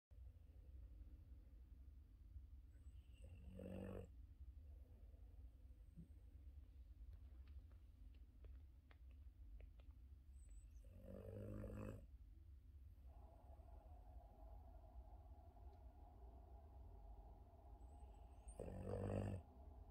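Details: Boston terrier in deep sleep lying on his back, snoring: three low, rattling snores roughly every seven to eight seconds, with quiet breathing between.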